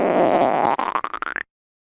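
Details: Gurgling rumble breaking into quick bubbling pulses rising in pitch; ordinary stomach growling (borborygmi) from gas and fluid moving through the gut, recorded at the beach.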